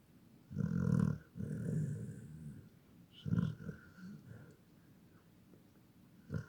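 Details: Dog Buffy snoring in sleep: deep, rumbling snores with snorting breaths, much like a person snoring.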